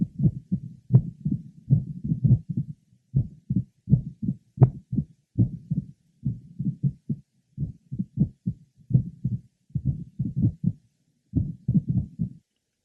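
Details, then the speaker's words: Mitral valve prolapse at the apex: a single mid-systolic click with an irregular rhythm from premature beats. "next a patient with a mid systolic click who has an arhythmia due to premature beats"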